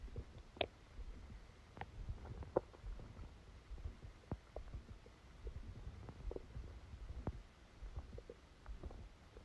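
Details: Quiet low gurgles with scattered clicks and brief squeaks from the belly: active bowel sounds during a stomachache after Christmas dinner, recorded while the person slept.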